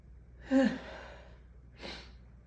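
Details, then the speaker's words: Strong morning allergy sneezes: a breathy voiced intake-burst, then a sharp, noisy expulsion, then a second, softer burst; the person exhales "phew" between sneezes; sneezing. "Phew. Phew. Oh, these are. Oh, God, these are strong this morning."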